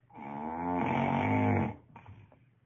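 One long, loud, buzzing snore on an in-breath from a sleeping man, followed by a quieter breath.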